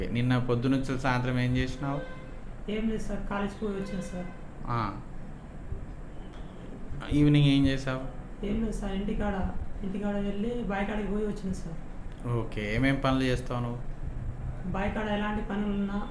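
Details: Young male, recorded before voice therapy while reading a Telugu passage aloud; persistent high-pitched, female-like voice with diplophonia (double voice) noted by the clinician; puberphonia.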